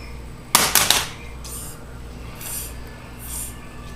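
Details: Boy deliberately faking a sneeze, a trick learned from his grandfather: a quick cluster of three sharp, breathy bursts, then softer hissing puffs, in a quiet room; fake sneeze.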